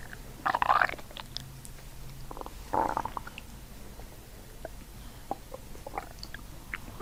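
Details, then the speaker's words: Bowel sounds (borborygmi) from an adult's abdomen during chiropractic treatment with deep belly breathing, after a barbecue meal: two loud gurgling rumbles, then softer pops and squelches of gas and fluid moving. "Good deep belly breath right here. Good. Nice. That was crazy. It's that barbecue. It talked, it did."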